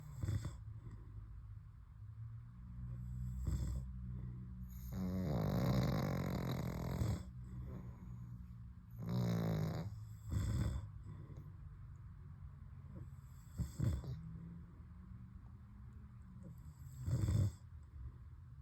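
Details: Pug snoring: loud rattling snores recur from the flat-faced dog, with low snuffling and snorting between them.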